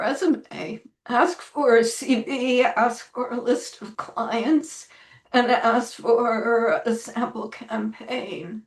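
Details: Woman with spasmodic dysphonia, self-reported; severity varies from day to day and she says this recording is on a not particularly good day; real, not acted; spasmodic dysphonia.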